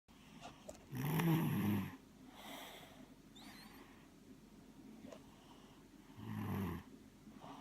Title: Snoring away